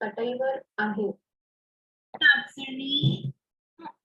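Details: Marathi-speaking child with cleft palate, sample two; sounds in tatsi and sat, including s, replaced by glottal stops; glottal stop substitution.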